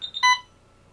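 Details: Alaris 8015 PC unit (brain of the infusion pump system) giving a brief chirp then a short electronic beep, its normal keypad tone while the clinical settings configuration menu is navigated.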